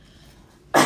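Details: During a live stream, a woman with an ongoing, bothersome cough problem is in a quiet room when one sudden, loud, explosive single cough comes at the very end, cut off abruptly.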